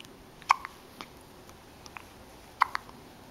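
Two abrupt, sharp clicking catches about two seconds apart, with small softer clicks between, typical of hiccups; quiet room.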